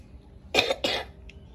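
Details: Two short, loose coughs from a young boy with a cough and cold, still not fully recovered, in a quiet room.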